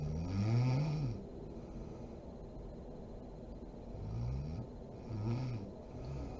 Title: SNORING MOM SLEEPING ASMR SERIES PART 39